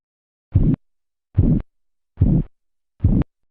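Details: Four regular low thumps at about 72 per minute, each with a soft swishing murmur, heard over the brachial artery during manual cuff deflation: phase 2 Korotkoff sounds.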